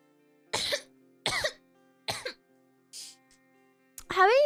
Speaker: Um, I also have well, as you can hear, I still have a really chesty cough left over.